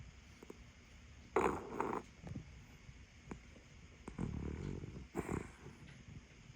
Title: Wait til end of short. He has super loud snore. #snoring pup #cutedog